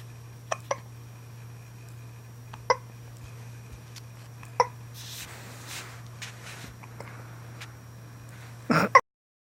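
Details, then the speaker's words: Infant hiccups: short, sharp little hiccups at irregular intervals, about five in nine seconds, over a steady low hum. "get the hiccups you got the hiccups"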